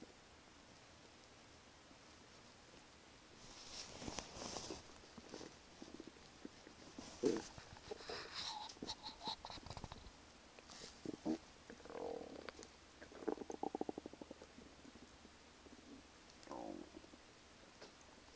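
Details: Own stomach in the morning: gurgling, bubbling rumbles and squelches from the belly in uneven bursts over a quiet hiss; ordinary stomach rumbling (bowel sounds).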